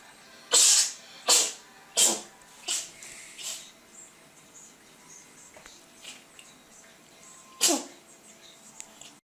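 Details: Cat gives a quick run of about five sharp, hissing sneezes, then one more a few seconds later.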